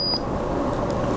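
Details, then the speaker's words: A single short high electronic beep over room noise from a Microdot Pro glucometer as the test strip is accepted during a live fingerstick blood sample demonstration. "You hear that beep. Wait for that countdown. It's It is 8 seconds. And as soon as you hear the double next beep, that gives you the reading there."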